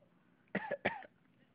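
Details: Young child with a bad cough; two short, forceful, partly voiced coughs in a quiet room: cough.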